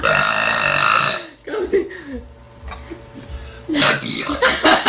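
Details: Woman burping deliberately after drinking Coca-Cola: long, loud, rumbling belches separated by a quieter voiced stretch.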